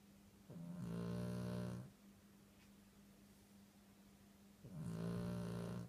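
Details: Tired snoring: two long, low, rumbling snores with a steady hum between them.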